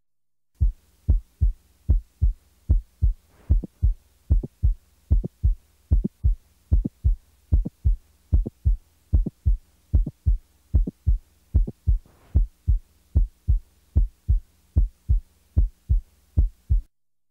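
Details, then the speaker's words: Simulated mid-systolic click introduced during systole and then withdrawn, over steady heart sounds about 75/min; click moves farther from S1 with increased ventricular volume (squatting, bradycardia), closer with standing or Valsalva. "when ventricular volume is increased as in squatting or bradycardia The Click will move farther from S1 listen now as a click is introduced during systole and then withdrawn"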